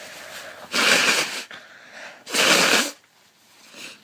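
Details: A sick person with a very blocked nose and a headache gives two forceful, hissing sneezes in quick succession with sniffing between; repeated sneezing with a congested nose.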